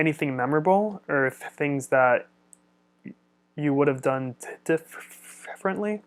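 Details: Adult man who stutters; stuttering.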